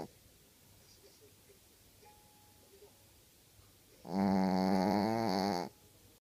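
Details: Dog snoring: a quiet room, then a single long, loud, rattling inspiratory snore lasting about a second and a half.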